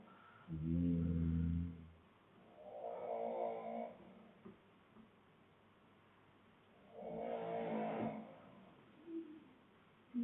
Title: boyfriend snoring part 2